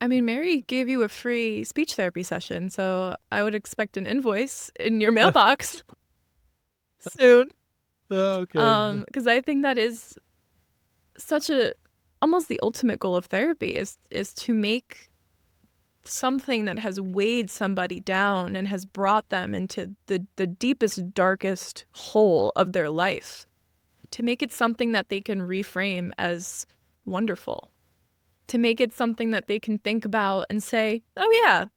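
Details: Adult woman speaking; normal speech.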